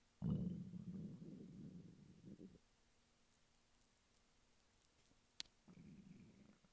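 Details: Stomach rumbling from hunger in a male lying flat on his bed: low gurgling rumbles in bursts separated by quiet gaps, ordinary borborygmi.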